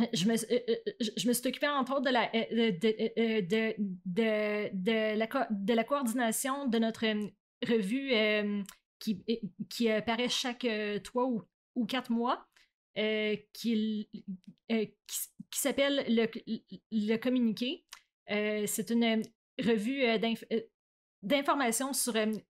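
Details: Adult woman who stutters, president of a stuttering association, speaking in a French-language podcast interview; stuttering.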